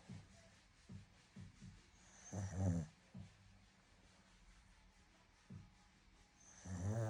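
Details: Snoring during sleep: soft low snuffling breaths with two louder rattling snores.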